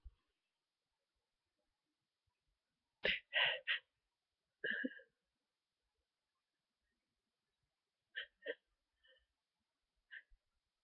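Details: Person with a cold, stuffy and sneezy after a long nap, with constant tickle, buildup and false starts: several quick, sharp sneeze bursts in small clusters with silence between.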